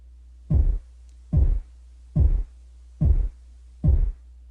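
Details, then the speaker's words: Korotkoff sounds on a simulator: regular soft thumps at about 72 per minute through a stethoscope over the brachial artery during cuff deflation, the first pulse marking a systolic reading of 120, normal. "Next, as soon as the pulse can be heard in the stethoscope, this is the systolic reading, and we're going to click on the little earpiece here to hear it."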